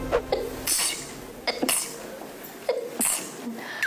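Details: Several quick sneezes, sharp hissy bursts with short catches of breath over room noise, from a compilation of K-pop idols sneezing, likely during live broadcasts or shows: sneezing.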